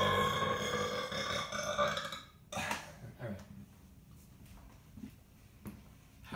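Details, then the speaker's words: A loud, drawn-out belch followed by a couple of shorter ones in a small room; burping. "yeah to Bel it all up oh my God okay it just turns to Vapor in your stomach"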